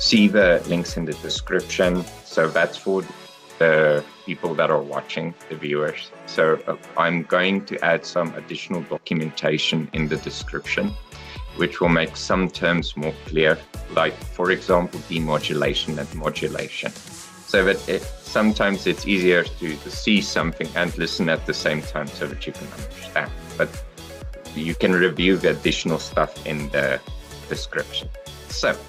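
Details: Adult male speaker; ordinary speech.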